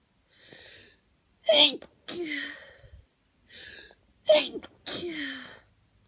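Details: Morning hay fever sneezes before taking antihistamines, person congested: two sneezes, each with a quick breathy in-breath, then a sharp explosive burst and a trailing vocal 'choo'.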